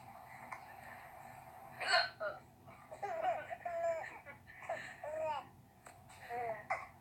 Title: Chinese mom has the hiccups